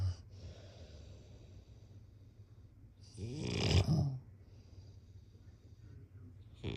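One deep, rattling inhaled snore rises to a loud peak, with quiet breathing before and after; snoring during sleep.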